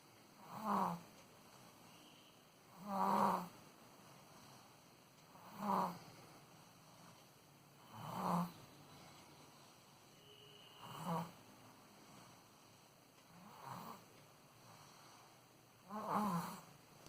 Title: baby snoring @ 13.7 months